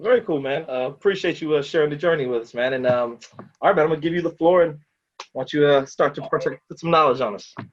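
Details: Adult man speaking; normal speech.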